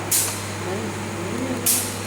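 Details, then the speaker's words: Jet nebulizer compressor running to clear air or water bubbles from the tubing: a steady low hum, with two sharp hissing air releases as the closed part is opened. "Masih tetap sama, alatnya dioperasikan, tapi ini ditutup dulu seperti ini. Ini dioperasikan, terus dilepas."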